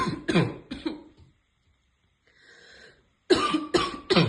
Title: Girl smoking and has a barking cough